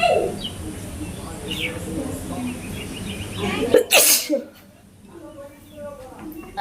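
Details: Outdoors: one loud, sharp sneeze after a brief inward breath, with birdsong and faint talk in the background.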